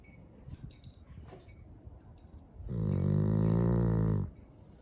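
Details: Chow Chow dog snoring: after quiet room noise, one long, deep, buzzing snore lasting over a second.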